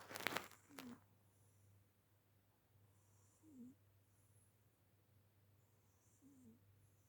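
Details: Pet snoring on his birthday: after a brief loud noise, soft short nasal snores repeat about every three seconds in a quiet room.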